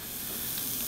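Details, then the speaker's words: Liquid nitrogen cryotherapy on a young girl's wart: steady loud hissing sizzle as the nitrogen freezes the wart; she reports it hurts. "we get our liquid nitrogen and I don't know if the view viewers can hear the sizzle yeah wow does that hurt"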